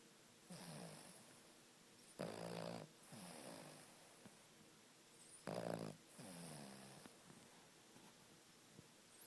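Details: Sleeping dog snoring loudly: rattling snores on each breath in and out, about 19 breaths a minute, in a quiet room.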